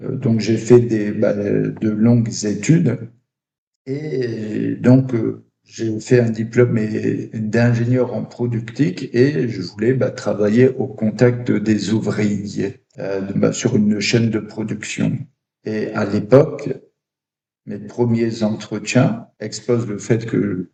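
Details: Adult man who stutters, with blocks. Finding: stuttering.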